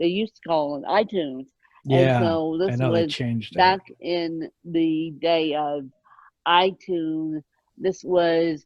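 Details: Adult woman born with moderate ataxic cerebral palsy, mid-spectrum, caused by lack of oxygen at birth, needing 24-hour care; ataxic dysarthria.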